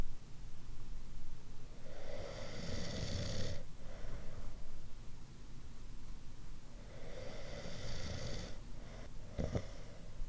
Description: Different types of snoring.